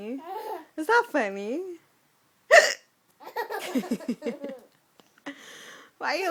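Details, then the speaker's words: A mother's sudden, sharp hiccups break into her speech, with a second catch later, while her baby daughter laughs at them. "Mommy hiccup scaring you? You like my hiccups? I can't control it."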